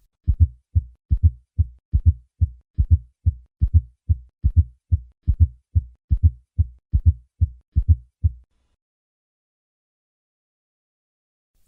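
Regular low-pitched heartbeat at about 72 a minute, each beat led by a soft extra sound just before the first heart sound: a fourth heart sound.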